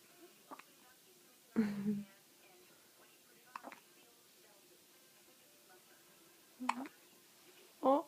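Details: Baby with hiccups: several brief, abrupt voiced catches at irregular intervals in a quiet room.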